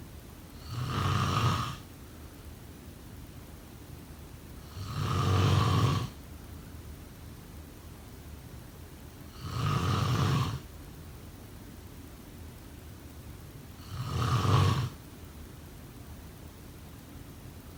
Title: Snoring sound…